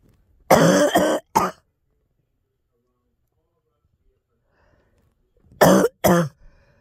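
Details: Two bouts of coughing several seconds apart from a girl, each a harsh cough followed by a shorter second cough, with throat clearing and exclamations of pain, in a quiet room.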